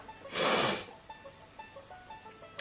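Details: Single sharp, breathy sneeze from a girl, followed by quiet room noise and faint music; she sneezes repeatedly that morning, and allergies and sinuses are tagged: sneeze.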